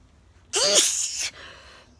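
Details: An adult gives a single sudden, explosive daytime sneeze with a brief voiced onset, followed by a fading exhale.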